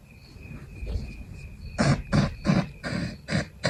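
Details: A run of about six short, muffled stifled sneezes through a closed mouth and nose, with a faint steady tone behind, from a person still sick with a persistent nasal tickle and no longer feverish.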